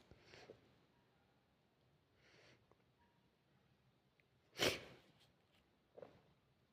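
A single sharp burst of air, a sneeze, between softer breathy sounds in a quiet room.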